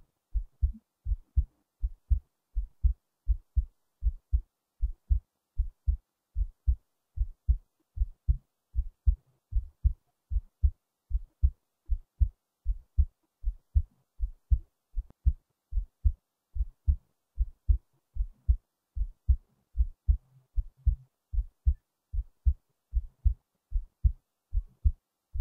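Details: Person's own heartbeat recording: steady, low thumps at about 76 a minute, mostly regular, with only a few brief slight irregularities: normal heart sounds.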